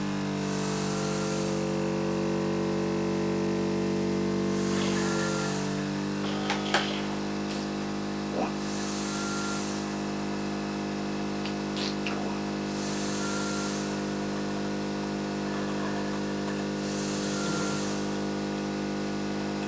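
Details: Cough assist (mechanical insufflation-exsufflation) through a tracheostomy during a sterile suction procedure: steady machine hum with regular airy hissing surges; the patient says they feel much better afterwards.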